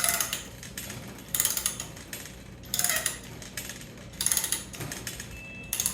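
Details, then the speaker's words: Bursts of rapid mechanical clicking about every second and a half as the handle of a skin graft mesher is cranked, carrier inserted smooth side up, 1.5 size; normal ratcheting. "So once you have your carrier in there, you start wrenching. So that's the noise you want to hear."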